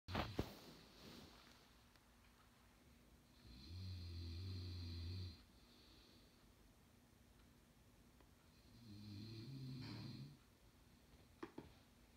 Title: SNORING COMPETITION ( hilarious)